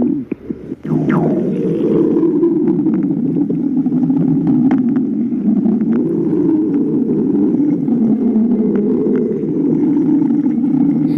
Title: stomach growling